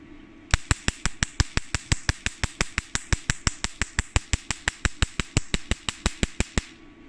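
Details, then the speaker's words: Portable Q-switched Nd:YAG laser in tattoo-removal mode, frequency about 5–6, power started around 600, fired at black paper standing in for a black tattoo: rapid, regular sharp snapping pops, about 87 a minute for six seconds. "okay power is very strong right as you can see okay then stop"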